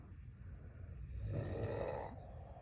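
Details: A sleeping dog snoring: one low, rough, rattling, vibrating snore on an in-breath.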